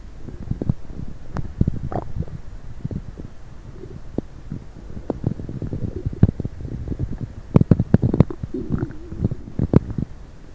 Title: coffee and diet coke , stomach noise.